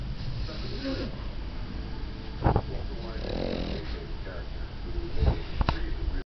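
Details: 14-year-old female French Bulldog falling asleep: low snuffling, rattling breaths with snorts as she drifts off; snoring.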